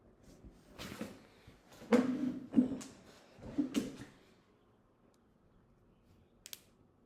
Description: First morning cracks. Cracking knuckles. ASMR CRACKATHON